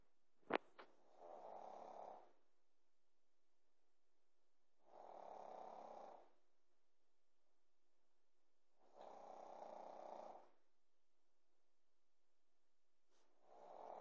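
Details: Pekingese puppy snoring softly and regularly, about every four seconds (roughly 15 breaths a minute), in a quiet room; snoring.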